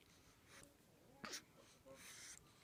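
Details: Infant (Daniel) who has the hiccups gives a single brief, sharp sneeze against quiet room noise; sneezing.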